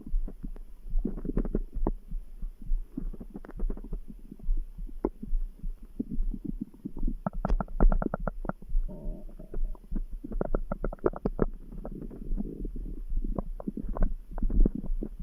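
Bubbly gurgles and low rumbles over a faint steady thumping pulse; normal stomach grumbling with the heartbeat audible behind it.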